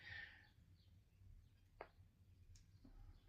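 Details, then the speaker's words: A single sharp, brief pop from a person's left hip while prancing around a room, standing out against a quiet background: hip joint popping. "Uh did you hear the pop? That was my left hip popping."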